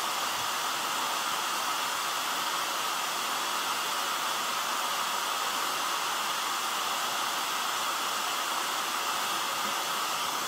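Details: ResMed AirSense 11 CPAP machine, drawing about 60 watts, running on an AllPowers S200 portable power bank: steady, even airflow hiss with no breathing cycles or interruptions.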